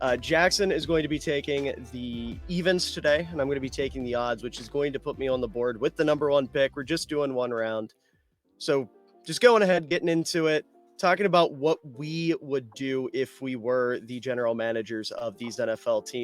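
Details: Adult male speaker; Normal speech.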